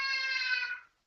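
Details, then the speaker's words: A single short, high-pitched, tonal wail fading after about a second: a baby crying in the background while an adult talks. "Uh, I actually, you can hear my baby crying."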